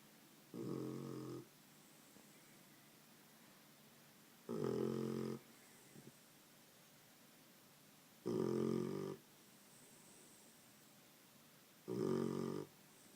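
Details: Sleeping puppy snoring: loud, rough snores, one with each breath, about 16 breaths a minute in a quiet room.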